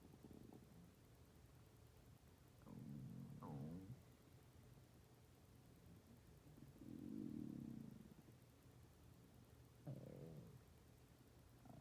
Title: My stomach growling for 17 minutes and 26 seconds